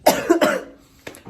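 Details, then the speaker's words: Two loud, harsh cough bursts close together, then a fainter third cough, from a young woman with a hoarse, broken voice who was quite ill for a week and is improving in the second week. "vous pouvez le voir j'ai la voix cassée parce que j'étais malade j'étais bien malade pendant une semaine"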